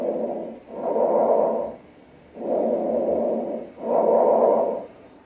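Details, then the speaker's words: Lung auscultation with inspiration and expiration about equal in length, sometimes separated by a silent interval: bronchovesicular (mixed) breathing, heard when solid lung tissue lies deep or far apart, teaching lecture example. "inspiratory and desperate results about equal in lengths at times separated by a silent interval and differences in patient intensity are often more easily detected during expiration such type of breeze sounds are hurt when solid lung tissue locates deep or far from one another"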